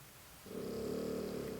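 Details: Pet dog snoring very loudly.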